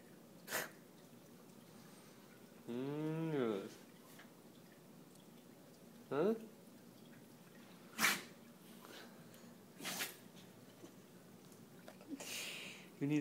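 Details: A dog giving several short, sharp sneezes with a drawn-out whine or moan between them, amid some room noise; sneezing.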